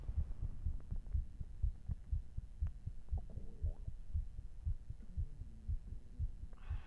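Fast, deep, regular heart thumps at about 120 a minute under a low hum: a quickened heartbeat after exercise.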